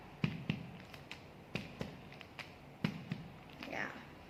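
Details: During an appendix examination, the examiner gives sharp finger-percussion taps, two or three per abdominal quadrant, in three pairs, producing a hollow, resonant tympanic note from normal bowel gas.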